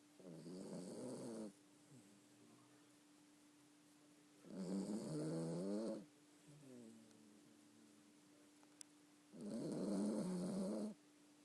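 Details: Yorkie (Yorkshire terrier) snoring: slow, buzzy snoring breaths, about three in eleven seconds, with quieter breaths between and a steady faint hum.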